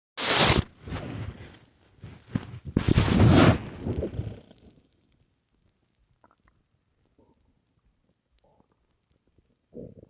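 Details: Loud gurgling, rumbling stomach noises in bursts, then near silence with faint gurgles, after drinking a lot of milk: bowel sounds (borborygmi).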